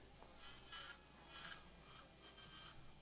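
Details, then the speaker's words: Quiet repeated bursts of high-pitched whirring and grinding: a surgical drill removing bone laterally, instead of using a Kerrison, to avoid traumatising the nerve root during live microscope-assisted anterior cervical discectomy and fusion (ACDF) at C6-7. "So I'm actually just going to drill some of this bone away a little bit more laterally and open things up."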